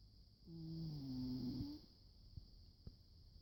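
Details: Old cat, 88 in human years, sound asleep: one soft, whistling, slightly tonal snore on a breath, then quiet room noise; snoring.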